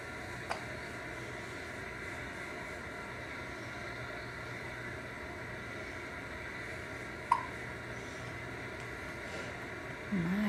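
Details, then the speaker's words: Little girl with hiccups in the morning: two sharp, brief hiccup sounds about seven seconds apart against quiet room noise, described as very violent, with a faint voice starting at the end. "see we got the hiccups very violent"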